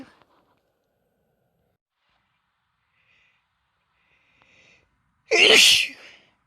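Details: Person sneezing near the end of a recent cold: a quiet pause, then one loud explosive sneeze with a sharp airy burst.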